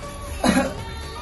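A single short, forceful cough burst, acted as the effective cough technique for clearing sputum.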